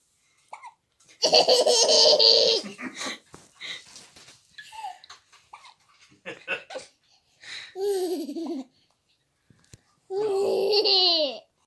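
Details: Child's bursts of giggling broken by short, sudden catches of breath; hiccups between laughs.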